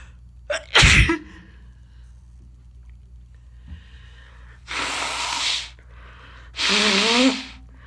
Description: So I’m full of a bad head cold again. Blowing and sneezing all day long.